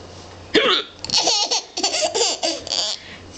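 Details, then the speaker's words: An adult father's sudden, sharp, gulping hiccup, followed by bursts of high-pitched infant giggling and laughter in a quiet room: hiccups. "are you laughing at daddy's hiccups are ya"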